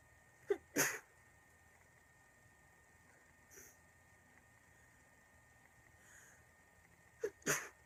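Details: Girl with a really bad cold who can't stop sneezing: two pairs of sneezes, each a quick in-breath then an explosive burst, with faint sniffing between in a quiet room; a cold sneezing attack.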